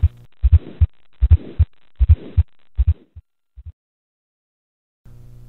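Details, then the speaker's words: Simulated severe aortic stenosis on a male auscultation manikin, heard at the mitral area where the murmur migrates: a harsh murmur filling systole between beats, about 77 beats per minute. "even though this murmur is of aortic origin severe aortic stenosis will migrate to the mital area"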